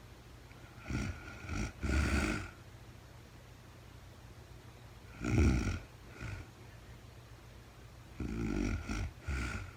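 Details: Real-time recording of a woman asleep overnight, very tired, no talking (labelled REM sleep): coarse, rattling snores in breath-linked bursts, about 17 breaths a minute, over quiet room noise; snoring.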